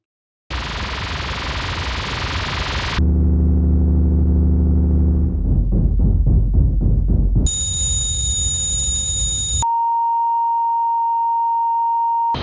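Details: Simulated tinnitus sounds for a documentary: hiss, low buzzing hum, pulsing rumble, high warbling whine, then a steady ringing tone.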